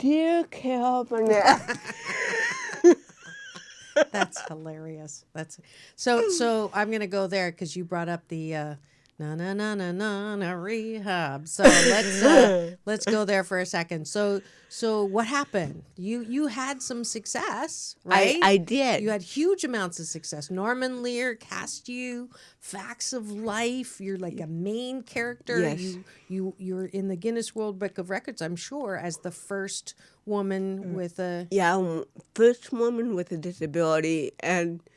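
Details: Adult woman speaking; normal speech.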